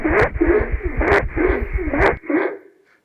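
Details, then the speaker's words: Stridor: very loud snoring or roaring noise with each breath in repeated surges, due to upper airway obstruction, nasal or laryngeal, loud enough to hear without a stethoscope. "striders are like a a very loud snoring or roaring and that's due to upper away obstruction inevitably whether it is nasal or a or lingo the sound is quite loud and like this"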